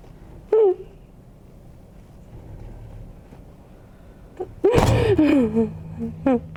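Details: During a hands-on fascia healing session with chiropractic adjustment, a short sharp burst, then a louder explosive sneeze-like burst with a voiced tail, in a quiet room.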